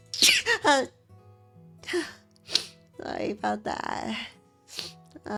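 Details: Sneeze; the person says they think they have allergies.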